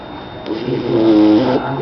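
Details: Sleeping pet snoring: a rough, rising snore with a tonal whistling edge during one breath.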